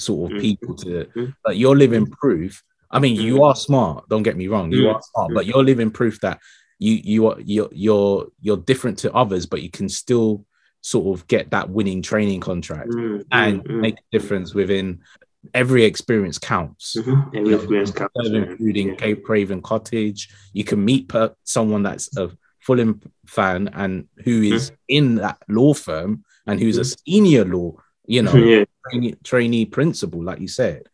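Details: Adult male speaker; typical speech.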